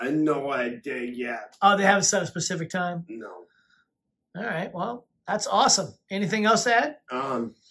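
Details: Adult speaker; ordinary speech.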